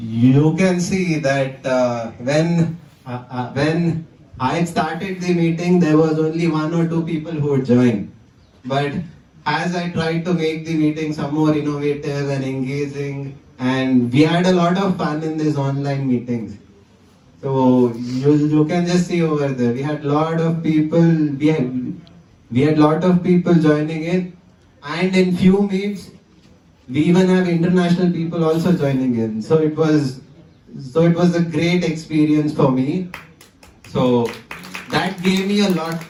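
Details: 20-year-old man whose stammering returned with great intensity after the pandemic lockdown, giving a conference talk; phrase repetition; stuttering.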